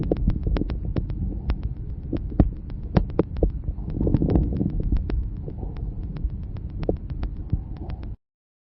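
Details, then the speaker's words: Chest sounds with many brief, loud, explosive popping clicks over a low rumble, the low-pitched kind of crackle; coarse crackles. "Les râles crépitants sont des bruits courts et explosifs. On distingue selon leur hauteur les crépitants fins et les gros crépitants."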